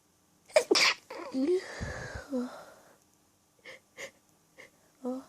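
Two sharp sneezes with breathy gasps, then several small stifled sneezes; a sneezing fit during an allergy attack.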